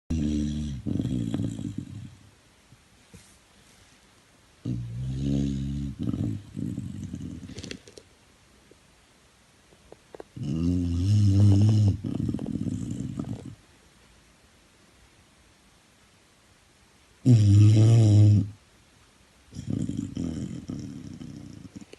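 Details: Buster, a rehoming-centre dog, asleep: loud, deep, rattling snores in irregular bursts with long quiet gaps, some breaths snorting and rough; snoring.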